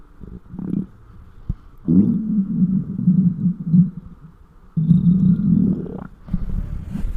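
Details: Very hungry stomach of a large person recorded with close microphone: loud low gurgling and rumbling bursts, hunger borborygmi.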